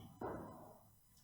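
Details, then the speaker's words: Brachycephalic dog: a single low-pitched, snoring-like snort, nasal stertor arising from the nose/nasopharynx. "then this is also stirter but it's nasal stirter so it's low pitched again"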